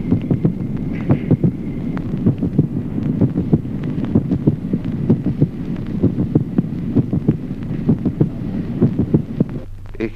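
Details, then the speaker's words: Teaching heart-sound recording: steady heartbeat with a marked, constant split of the second heart sound into two close taps in left bundle branch block. "Ejemplo undécimo. Duplicación del segundo ruido cardíaco en el bloqueo de rama izquierda. División manifiesta y constante del segundo"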